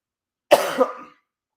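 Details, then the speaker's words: Single short, sharp cough from an adult getting over a cold and sounding nasal, with an abrupt explosive start and brief rough tail, in a quiet room. "I am getting over a cold I do have a little bit of a cough so if you hear it I apologize"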